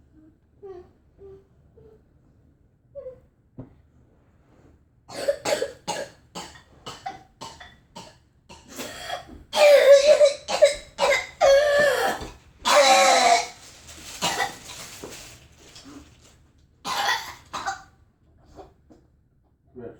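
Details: Child with whooping cough (pertussis), trying to sleep at night while travelling, has a long fit of rapid back-to-back coughs with strained, noisy breaths, then is urged to breathe and spit up.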